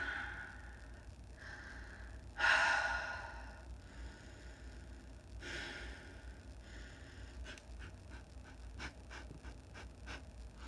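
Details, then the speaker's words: Heavy noisy breaths with a loud sniffing inhalation and snuffly exhalations from an adult woman who says she is struggling to breathe, her nostrils are not clear and her sinuses are affected. Laboured nasal breathing. "I can feel where in my nostrils I'm not fully letting things go my nostrils are not clear my sinuses are experiencing something"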